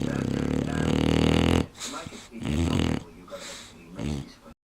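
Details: Female Aussie Bulldog snoring during sleep with eyes open, louder than the TV: loud, rough, rattling snores in bursts with quieter gaps; snoring.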